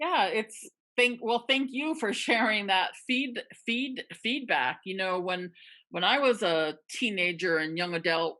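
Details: Adult participant in a stuttering association webinar, a person who stutters, with repeated words such as "they they they", "we're we're", "very very very"; stuttering.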